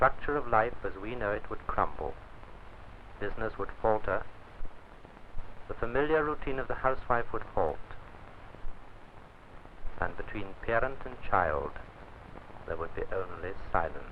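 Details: Adult male narrator; Normal speech.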